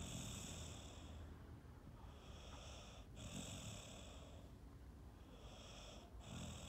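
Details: Sleeping Staffy Ridgeback rescue dog, a female born 2012: soft, low, quiet snoring breaths about every three seconds against a hushed background; gentle snoring.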